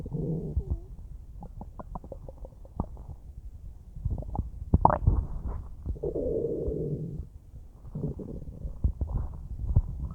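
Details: Normal bowel sounds recorded about a minute after eating a huge bowl of spaghetti: low bubbling gurgles and rumbles from the abdomen, then softer small gurgles.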